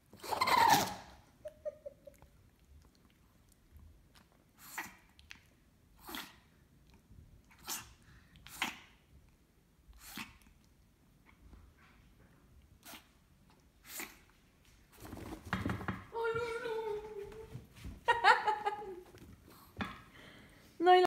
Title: CUTEST SNEEZE EVER BY THE CUTEST DOG